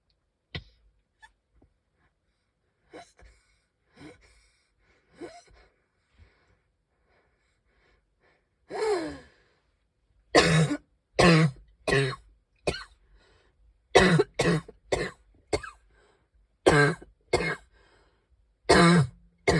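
Soft gasping breaths, then a run of about a dozen harsh cough bursts in quick clusters.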